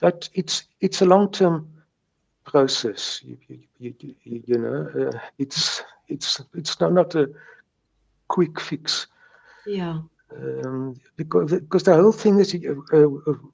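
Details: Adult man who has stuttered since age three, speaking English (not his first language) with repetitions; stuttering.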